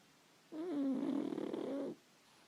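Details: One long, fluttering, rumbling, slightly muffled snore from a Boston Terrier sleeping hidden under a blanket; ordinary snoring.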